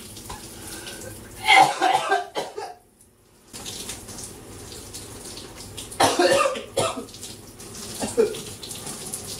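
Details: Two short bursts of harsh coughing with a fainter cough near the end, over running shower water, from a person with a throat bug that won't let up; repeated coughing fits.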